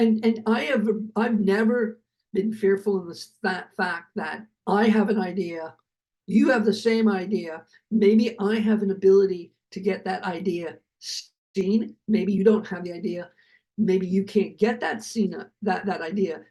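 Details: Adult man who survived a heart attack and has aphasia, speaking right after noting that his aphasia was kicking in; aphasia.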